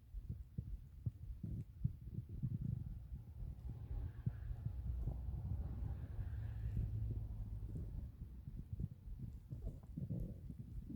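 Low gurgling and rumbling with soft bubbling pops over quiet background; ordinary stomach growling from gas and fluid moving through the gut.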